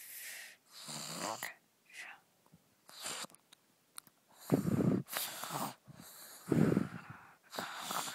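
Irregular rough snorting snores mixed with noisy, wheezy-sounding breaths, about 30 a minute; snoring.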